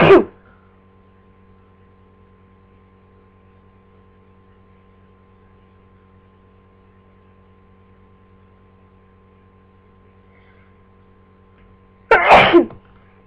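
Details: Person with flu: two sharp, explosive sneezes, one at the start and one near the end, with a steady mains hum between them; sneezing.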